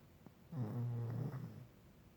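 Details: Snoring: a single low, rumbling snore about a second long in a quiet room.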